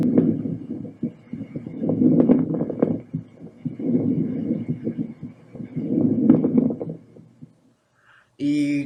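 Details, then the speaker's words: Teaching demonstration of moist rales (crepitations), likened to rubbing a lock of hair by the ear or opening a wet sponge: breath sounds with fine, scattered popping crackles through each breath. "dentro de los estertores corrales húmedos tenemos crepitan cias que son comparables a frotar un mechón de cabello frente al oído oa la apertura de una esponja húmeda"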